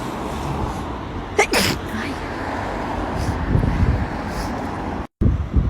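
A single sharp sneeze over steady engine-like background noise.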